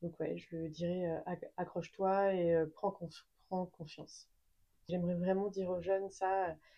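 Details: Adult woman speaking French who has stuttered since age 3. Real stuttering.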